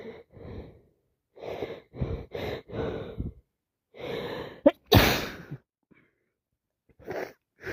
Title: Day 2 wet messy cold sneezes